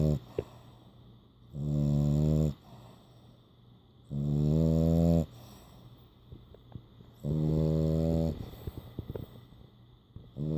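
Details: French Bulldog snoring while asleep with his eyes open and tongue out.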